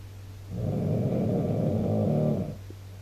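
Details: Backpacker snoring so badly a roommate couldn't sleep, filmed on a mobile phone: one loud, two-second, rough, fluttering snore over a steady low hum.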